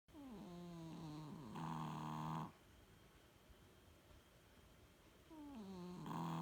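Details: Snoring in a sleeping animal, recorded 05/03/18: two snoring breaths about five seconds apart, a sliding whistling tone followed by a louder rattling inhalation.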